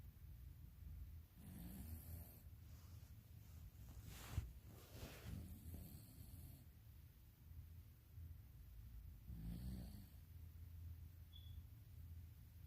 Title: pregnant chihuahua snoring